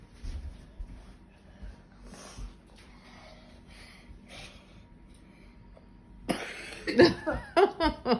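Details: A girl who says she still has a cough from being ill, coughing while doing gymnastics at home: after quiet room sounds, a quick run of several harsh coughs.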